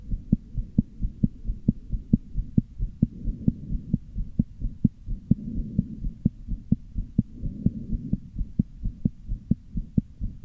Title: very visible heart murmur and arrhythmia~